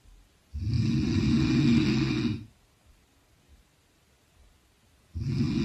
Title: The return of snoring queen!!!